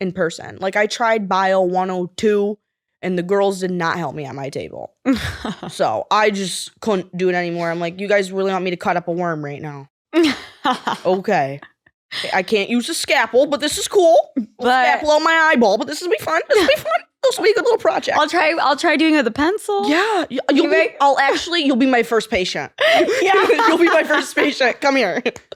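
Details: 20-year-old woman with Tourette syndrome (involuntary motor and vocal disorder, diagnosed 2020, with tic attacks and coprolalia-like swearing tics) speaking with interjected vocal tics; Tourette syndrome vocal tics.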